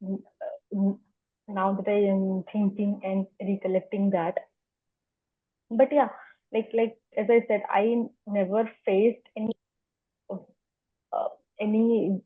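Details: Adult woman who has stammered as long as she remembers, speaking spontaneously as a podcast guest; stuttering.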